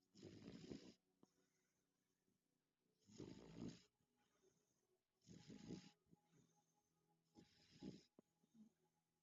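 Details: Beagle snoring in sleep: rhythmic rough snoring bursts about every 2.5 seconds, roughly 24 a minute, with quiet pauses between; snoring.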